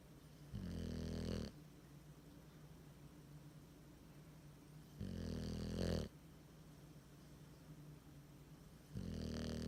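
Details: Loud, low rumbling snores on each in-breath, about every four seconds (about 14 a minute), in a sleeping bulldog whose tongue hangs out; heavy snoring.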